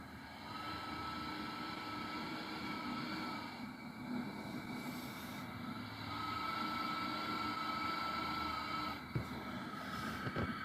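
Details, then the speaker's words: New ResMed AirSense 10 CPAP with a humidifier tank: a thin high whistle during inhalation, not exhalation, over a steady hum, starting 2.5–3 hours into use each night; machine fault. CPAP whistling. "so if your machine's making a whistling noise and this whistles when you're inhaling not when you're exhaling at least this one does"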